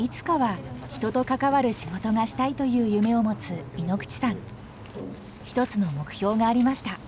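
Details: Adult female narrator; typical speech.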